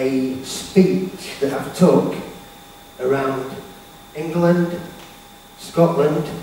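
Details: Stuttering (stammer) in an adult male speaker who has had speech therapy.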